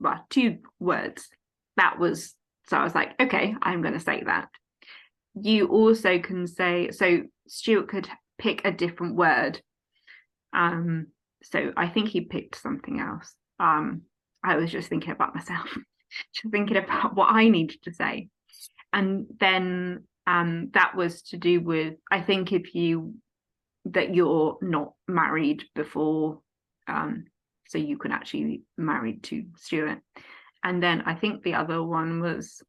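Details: Adult woman, 14 years after a stroke at age 18, with post-stroke aphasia affecting speech, reading big emails, writing and numbers; speaking conversationally; aphasia.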